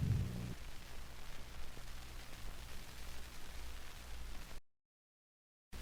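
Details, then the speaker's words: Normal canine heart sounds, dog standing, stethoscope over the mitral valve region near the left fifth intercostal space at the sternal border; lower-frequency first sound than second, with respiratory sinus arrhythmia likely present. "listen to the normal heart sounds of a dog heard of the mitral valve region near the left fifth intercostal space at the sternal border"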